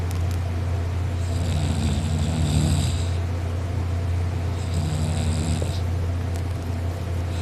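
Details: Person napping on a couch, snoring loudly "like a chainsaw" and drooling, with a sore throat on waking; two deep, rattling snores on the in-breath over low droning room noise; loud snoring.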